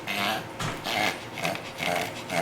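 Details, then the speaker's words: 12-year-old female Pomeranian brought to the vet with trouble breathing and a slightly less-pink tongue. When excited she honks a lot but keeps breathing: harsh, raspy honking breaths in quick cycles, consistent with tracheal collapse. "And when she gets excited, she really kind of honks a lot, but she's breathing."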